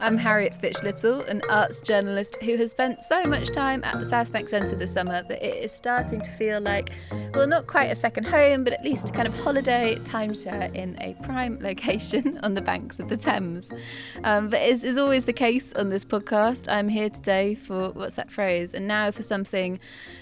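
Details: Adult woman; normal speech.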